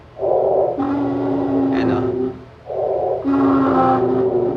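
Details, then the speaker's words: Lung sound played as an example of wheeze: two breaths, each with a steady, musical whistling tone. Wheeze signals narrowed, constricted airways, typically asthma, and is also possible in smokers, emphysema, COPD or bronchitis. "Parang musical instrument. Anong sakit yan? Siyempre, hika. Pag humuhuni, ibig sabihin, masikip ang daanan ng hangin, di ba?"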